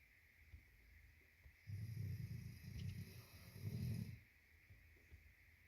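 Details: Snoring in a sleeping girl: two low, rattling snores on inspiration with quiet breathing between them.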